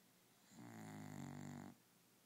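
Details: Dog snoring: a single drawn-out, buzzing breath with a rough, fluttering low tone in a quiet room.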